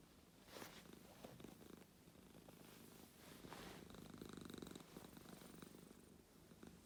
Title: Little crackles